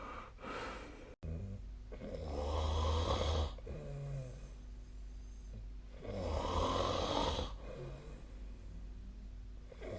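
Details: Adult snoring during sleep, recorded with the SnoreLab snoring app: two loud, rumbling snores on breathing in, about four seconds apart, with quieter breathing between them, in a quiet room.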